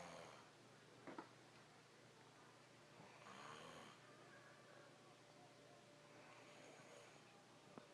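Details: Light snoring during sleep: soft, quiet snoring breaths with faint snorts over steady room hiss.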